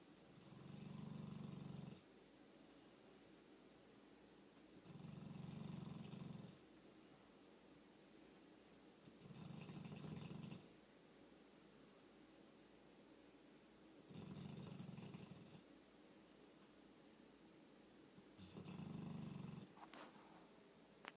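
Slow, regular low rumbling snores, about 13 a minute, each lasting over a second, over a steady background hum.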